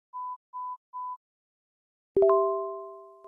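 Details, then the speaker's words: AirPods Pro hearing test in the Health app, left ear tested first and tapping the screen on each tone: three short steady beeps of one pitch, then a chime; pure-tone hearing test tones. "我们可以先听一下样本声一会在测试的过程中将会反复听到这段声音两边耳朵分开测试首先测试的是左耳每当听到声音就点击屏幕要集中注意力仔细听有声音点屏幕"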